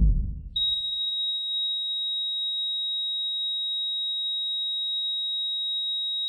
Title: Heartbeat Flatline - Cardiac Arrest. Heartbeat sound Binaural Beats. Binaural Heartbeat Delta Wave.